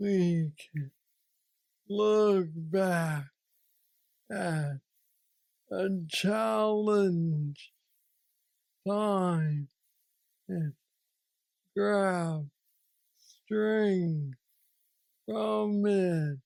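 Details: Man diagnosed with aggressive Parkinson's disease at age 35, now 46 (about 11 years since diagnosis), with mobility struggles; treated with a deep brain stimulator (neurostimulator implant) placed two years after diagnosis; Parkinsonian hypokinetic dysarthria.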